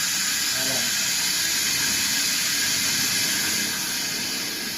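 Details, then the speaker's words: Dental chair demonstration, suction control turned to high: steady loud hissing, sucking airflow of dental suction, easing slightly at end. "Yung Pio endo general staler tapos yung sa suction ito po yung control niya gusto niyong hinaan pwede lakasan."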